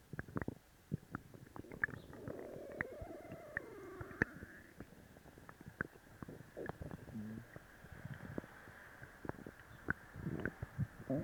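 Low gurgling and rumbling bowel sounds with scattered clicks and pops; active stomach growling after a laxative.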